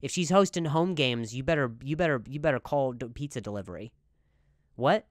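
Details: Adult man speaking; stuttering.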